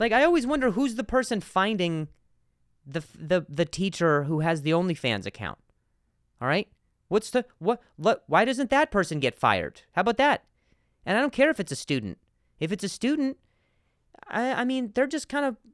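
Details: Stuttering in a podcast host who stutters, speaking spontaneously with sound and word repetitions.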